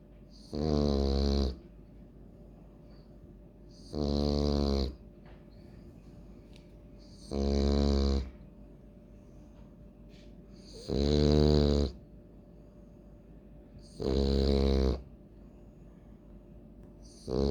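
Loud, deep, rumbling snores at about 18 a minute with quiet gaps between them. Heavy snoring typical of a flat-faced dog.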